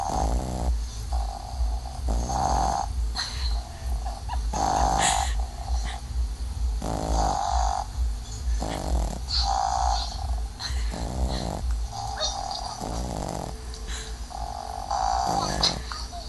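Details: Snoring recorded on an Android phone: loud, rattling snores repeating steadily at about 26 breaths a minute over a low background hum, typical of sleep.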